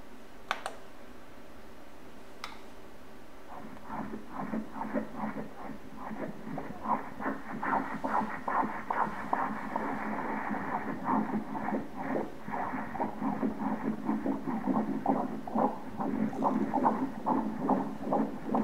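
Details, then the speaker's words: Fetal heartbeat on Doppler during an obstetric ultrasound at 20 weeks of pregnancy: rapid, regular whooshing pulses at 145 beats per minute, a normal fetal heart rate. "Baby's heart! Very nice, right, to hear the baby's heartbeat... Great here! This baby's heart rate right now is one hundred and... forty-five beats per minute..."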